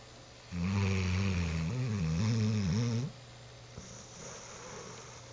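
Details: A nine-month-old dog snoring like an old dog: one long, loud, deep rumbling snore with a droning, vibrating tone, then quiet breathing against room hum.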